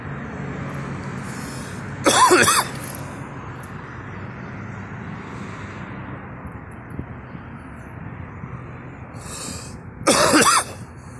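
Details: Adult's own cough recorded: two separate harsh cough bursts about eight seconds apart over steady background hum.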